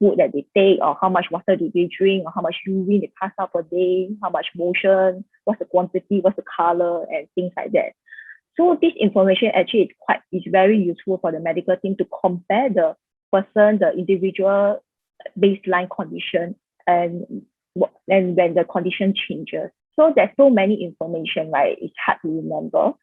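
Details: Adult woman speaking; Typical speech.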